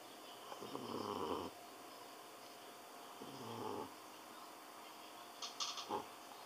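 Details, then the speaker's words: Sleeping cat snoring loudly and trembling in sleep: soft, rattling snores on each in-breath, with a quiet room hum behind. "觉睡得很爽，一直在打呼，还发抖。"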